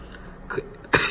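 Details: Two brief throat-clearing coughs from an adult man, followed by "excuse me", during repair of an anesthesia unit; an incidental throat clearing.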